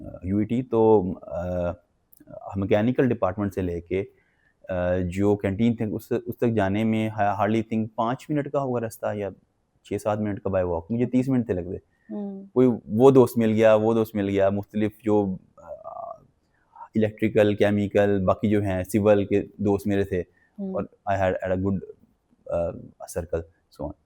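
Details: Adult man with developmental stuttering since childhood, describing blocks where words choke and will not come out, and repetitions.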